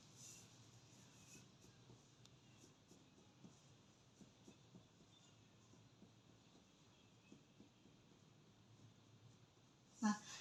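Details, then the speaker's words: Chest percussion on a 47-year-old man during cardiac examination, tapping down the right midclavicular line: tone shifts from resonant to dull at the lung–liver border, brief louder knock at the end. "pertama kita tentukan Batas paru hepar pasien terlebih dahulu itu dari meet clavicular light kanan kita lakukan perkusi ke bawah dari Solo menuju redup"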